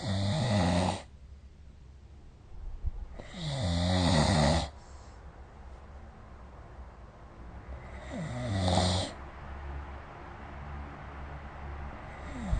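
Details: Snoring during sleep, recorded with the SnoreLab snoring app: loud, rough, fluttering breaths at irregular intervals, about 16 a minute, with quieter breathing and room noise between them.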